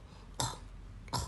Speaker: Ada juga yang bayi lahir dengan suatu masalah di mana tulang rawan daripada saluran napasnya itu agak lemah. Tracheomalacia istilah kedokterannya. Kadang suaranya juga begitu,